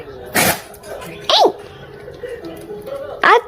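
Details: Puppy sneezing: three short, sharp nasal bursts with soft room noise between them.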